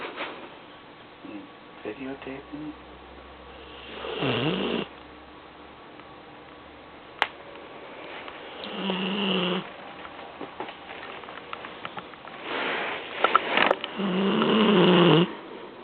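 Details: 7-month-old Vizsla/Weimaraner puppy sleeping on a couch in his usual position: several loud, rough snoring breaths at irregular intervals with quieter snuffling between, in a small room; snoring.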